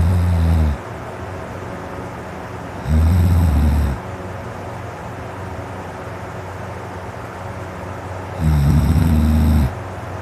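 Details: Man's heavy snoring during sleep, throat very dry and sore before sleeping: loud, deep rumbling snores, three over ten seconds, each about a second long, with quiet gaps between.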